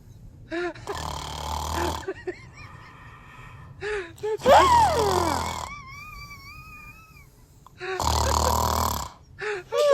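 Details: Snoring.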